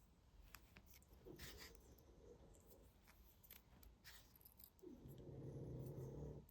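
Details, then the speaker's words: Pet snoring while asleep: low, rumbling snore with a louder, throaty stretch near the end; ordinary sleep snoring. "That's Gracie snoring, if you can hear her."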